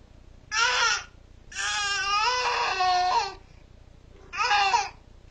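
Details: Three rhythmic infant wails with a clear, tuneful voice in a quiet room; an ordinary baby cry, with a cat nearby trying to soothe the crying baby.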